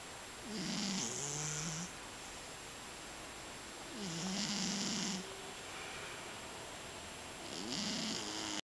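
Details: Scottish Fold cat snoring.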